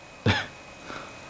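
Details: Toy poodle puppy with kennel cough being given treatment medicine: a single brief, harsh cough-like burst.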